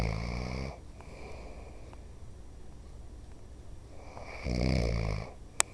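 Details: Father, who denies snoring, asleep: two loud, rough, low rattling snores with a quiet stretch between them, then a brief sharp click; snoring.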